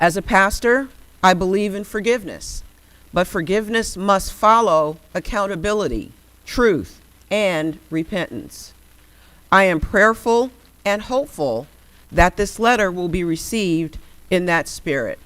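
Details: Adult speaker reading aloud; ordinary speech.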